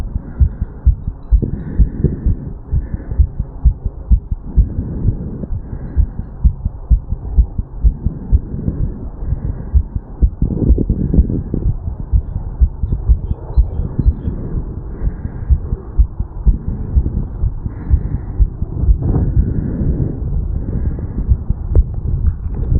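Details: 35-year-old male recorded at the mitral/bicuspid valve area after an afternoon walk/sprint: fast, regular heartbeat with clear thumping sounds at about 128 beats per minute.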